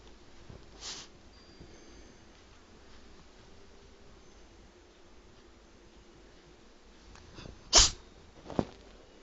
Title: Sneezing cat